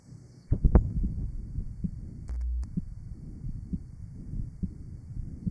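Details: 1955 Johns Hopkins heart sound laboratory recording of rheumatic mitral valve disease: low, muffled heart sounds with a steady hum and a brief clicking artifact.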